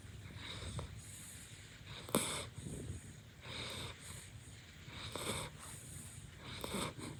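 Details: Tired puppy asleep in owner's bed at night after a walk: soft, irregular snorting breaths with faint whistling, about 40 a minute; light snoring.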